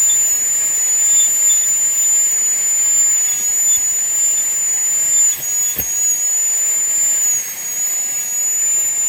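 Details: High-speed dental handpiece: steady whine with faint hiss and pitch dips as it loads, during full metal crown preparation on tooth #46 of a mandibular phantom, reducing toward a margin 0.5 mm above the gingiva.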